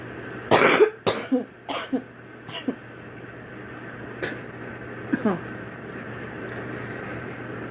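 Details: Girl's acted cough in a quiet room: a strong opening cough, a quick run of weaker coughs, then a couple more after a pause.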